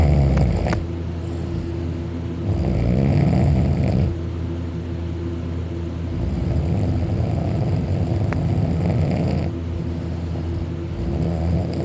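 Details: Person napping on his back on a couch, mouth open, drooling: very loud, rough rattling snores on each inhalation, about five a minute, some higher-pitched, loud enough to vibrate the couch; heavy snoring.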